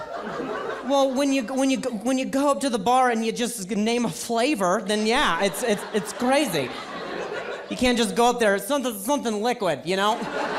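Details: Real stuttering in an adult male stand-up comedian who describes it as a very mild speech impediment; repetitions of words and phrases are heard during the set.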